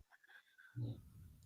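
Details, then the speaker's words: Female dog sleeping on the floor: low, rough rumbling snoring, heard faintly in a quiet room during an online call. ">> Yeah. She's snoring. >> She's snoring on the floor over here."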